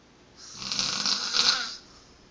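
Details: Man snoring during sleep: one long, hissing, rough breath sound rising and fading over about a second and a half; snoring.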